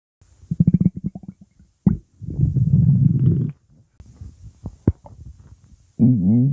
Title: bubbly hungry tummy noises